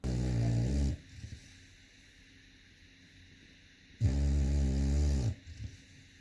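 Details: Sleeping dog snoring: two long, loud, buzzing snores about three seconds apart with quiet exhalation between.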